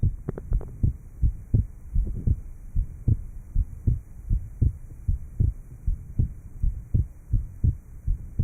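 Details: Regular low heart sounds at about 80 per minute after surgical repair of an atrial septal defect, recorded in 1955.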